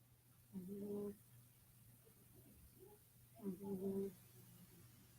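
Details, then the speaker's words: Cat snoring with two short, snuffly, whistling nasal breaths suggesting a congested nose; owner considers a small nasal spray for the cat. "yall heard a cat snore that's what it sounds like"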